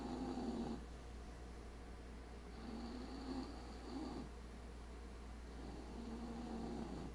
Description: My bulldog Lola snores herself awake then immediately goes back to sleep.